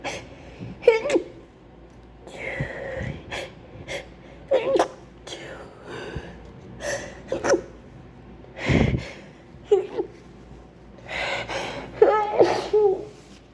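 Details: Repeated acted sneezes with gasping in-breaths and soft vocal sounds between them, imitating a sneezing fit; the performer claims a terrible flu with wet sneezes they try to hold in.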